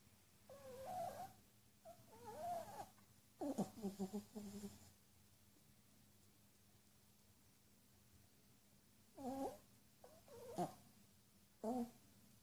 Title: Snoring yorkie